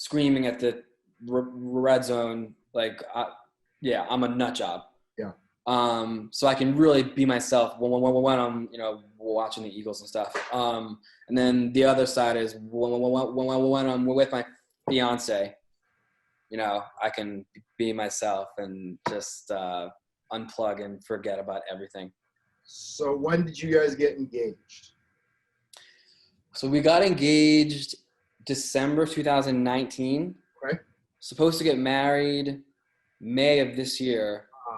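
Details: Stuttering in an adult man who says he has had a stutter his whole life, since childhood.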